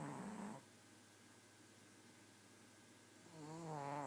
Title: Snoring pug